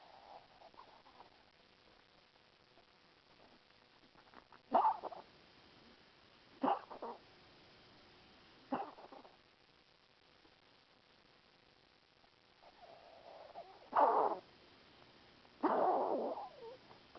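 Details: Mia, a dog, gives about five short, harsh coughs, singly and in a closing pair, after stent placement.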